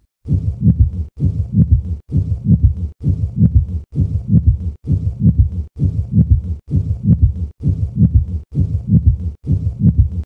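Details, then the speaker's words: 32-year-old woman on twice-weekly maintenance hemodialysis with 2 days of shortness of breath: regular heartbeat near 65 a minute with a high-pitched scratchy, grating three-component pericardial friction rub from pericarditis. "this is a three component pical friction a paralal friction rub is generated as a result of an inflamed pericardium that is pericarditis friction rubs are high pitched scratching or grating sounds"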